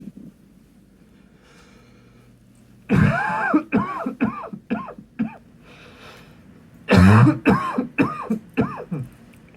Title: Coughing into my pillow (M)